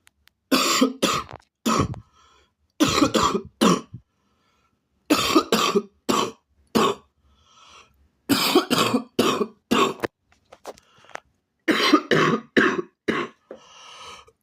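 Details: Coughing fit: repeated harsh cough bursts in five tight runs of three to five, with brief breaths between.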